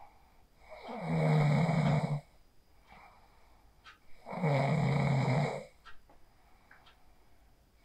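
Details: Phone recording of a person sleeping after practising the 4-7-8 breathing technique: two loud, rattling snores on inhalation, about 18 breaths per minute, with quiet exhalations between. Ordinary snoring.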